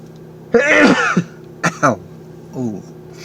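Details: Man in a car during his daily sneezing fit, saying his face is getting numb: harsh throat-clearing burst, two short catches and a softer clearing; repeated throat clearing.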